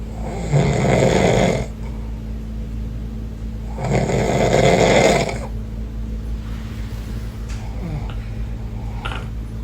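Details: Dad snoring beside a baby: two loud, rattling snores about four seconds apart, with a steady low room hum between them.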